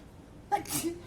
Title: Sneezing in the store 3